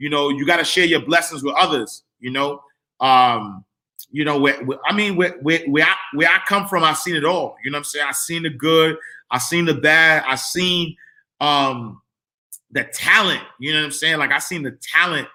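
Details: Adult man who stuttered as a kid, stutter still emerging when talking fast or excited; stuttering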